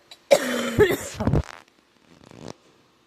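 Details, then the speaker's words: Girl with scratchy, sore throat who thinks she is getting a cold: a harsh, rough cough burst followed by a few smaller coughs and throat clearing. "Yeah, my throat's been kind of scratchy and it's kind of sore."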